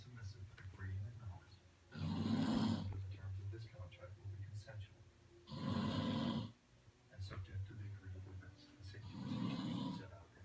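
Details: Loud snoring: three rough snores about 3.5 seconds apart, roughly 17 a minute, over a faint room hum.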